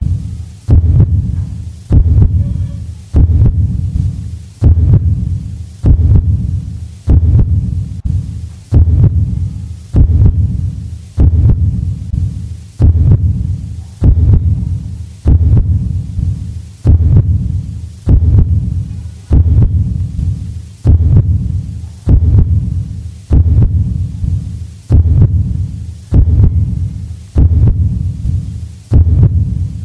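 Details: Real heart sound recording: steady, low heartbeat thumps in a regular rhythm at about 49 to 50 beats per minute.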